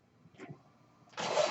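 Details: Mechanical ventilator of an adult man born in the mid-1980s, heard while he speaks: a quiet pause with faint clicks, then a sudden loud rush of airy hiss as the ventilator delivers a breath.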